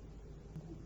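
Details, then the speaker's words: Recorded (Merck) heart sounds at the apex: normal heart sounds plus a low-pitched atrial sound of moderate intensity just before the first heart sound; fourth heart sound (S4, atrial gallop). "el ruido auricular ocurre inmediatamente antes del primer ruido cardíaco y como ya dije es de tono bajo escuchemos los ruidos cardíacos normales a nivel de la punta con un ruido auricular de intensidad"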